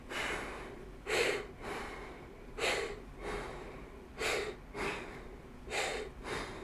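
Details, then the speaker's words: Tidal breathing through an inhaler spacer after a single spray puff, about five steady, slightly noisy breaths; the spacer slows the jet so a child can simply breathe, which is as effective as correct direct use. Asthma context. "Ele aumenta a distância pelo jato percorrido, então diminui a velocidade do jato e a criança vai simplesmente ficar respirando."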